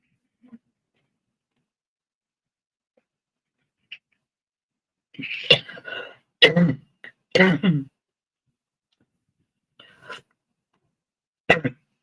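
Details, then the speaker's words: Adult woman with a sudden tickle and dry spot in her throat gives a short run of about five harsh, dry, hacking coughs with no wet or rattling quality; she says her cough has always sounded like this since childhood. "I've got a tickle in my throat. Wow. Okay. I had a dry spot all of a sudden. Yeesh. And I can't just, cough normally. It sounds like I'm friggin' hacking up a lung."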